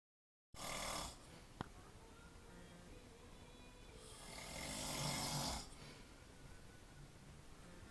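Two long, rough, noisy breaths, one near the start and a longer one a few seconds later, with quiet between: snoring.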